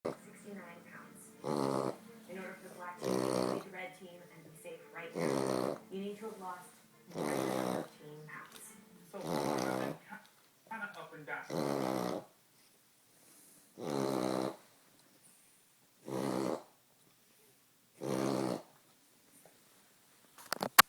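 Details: Female French bulldog having a reverse sneezing episode: repeated loud, harsh snorting inhalations about every two seconds.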